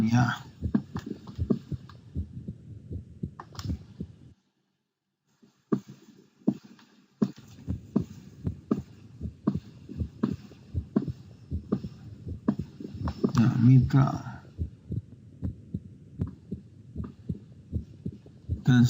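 Simulated heart sounds with quick, repeated low thumps, an example of a split second heart sound.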